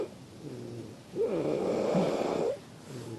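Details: A woman snoring on the reality show A Fazenda 12: one long, harsh snoring breath in, with quieter breathing either side; ordinary snoring.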